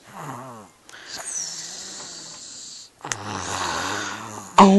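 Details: Loud, rough, vibrating snoring breaths, some long and whistling, in a small room; snoring.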